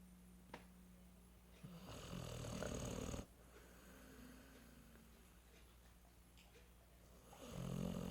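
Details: Pitbull named Mae napping on a couch, with a noisy, rumbling snore on breathing in against a steady low room hum.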